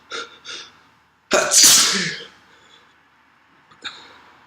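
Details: Two short sniffs, then one loud, forceful sneeze with a long hissing release and a final sniff; a sneezing fit with nasal congestion.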